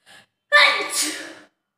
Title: #Sneezing challenge# 15 Times Sneezing With red chilli Powder //Most Request video// Part- 3.